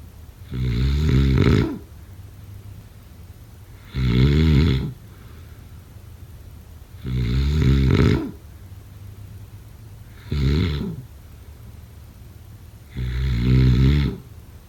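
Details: Snoring during sleep: loud, rattling snores on each breath in, about 19 a minute, with quiet breathing out between them.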